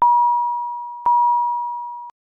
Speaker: a high priority alarm warns of a life-threatening condition such as asystole or ventricular fibrillation the alarm message displays with a red background and sounds like this